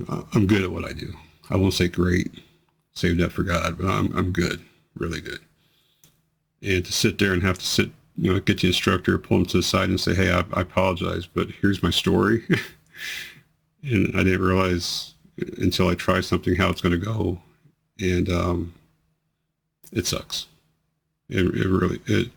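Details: Man with multiple system atrophy whose worsening tremors, amplified by actions and emotion, include his voice. Voice tremor.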